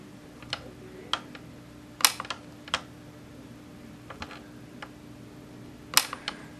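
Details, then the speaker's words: Scattered sharp, snappy clicks over a quiet hum: YAG laser pulses during vitreolysis of a C-shaped Weiss ring floater, now about half its original length. "One of the problems with video recording is with the camera setup, I have the mi"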